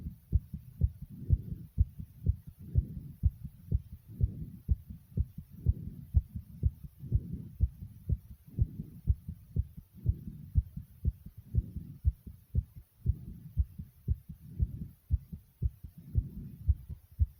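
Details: Tachycardia: rapid, regular heartbeat thumps at roughly 120 beats a minute, with a soft whooshing between beats.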